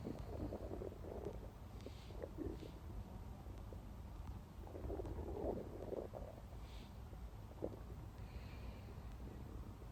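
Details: Steady low rumbling and gurgling from the belly, recorded close up: non-stop stomach growling from gas and fluid moving through the gut; bowel sounds (borborygmi).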